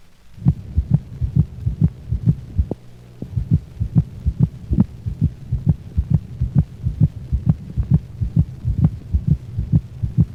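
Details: Dog with heartworms, split second heart sound most prominent over the pulmonic valve region on the cranial left thorax: heartbeat at about 130 per minute, the split components close together and higher-pitched than the first sound.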